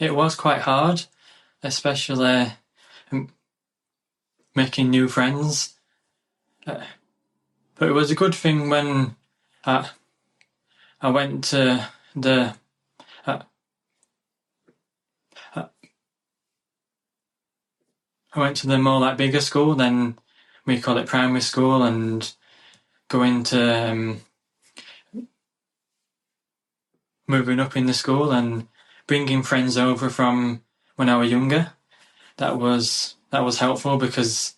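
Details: 27-year-old man from the UK with lifelong stuttering (stammer) featuring blocks, improved as his confidence grew; speech therapy in childhood; stuttering (stammer).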